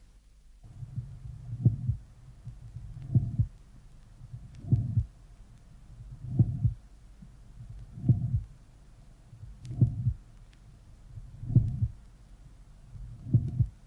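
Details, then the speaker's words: Recorded in expiration: the first sound is soft and inaudible. A mid-systolic click is heard, and the systolic murmur starts before the click, then accentuates and becomes higher pitched between the click and S2. Slowed to half speed. "the associated systolic murmur starts before the click and then accentuates and becomes higher pitched between the click and the second hot"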